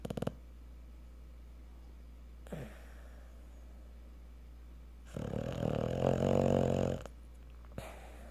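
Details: Cocker spaniel snoring while asleep after a hard day at the park: a brief snort, then one long rough, fluttering throat and nose rattle during breathing, quiet room noise between.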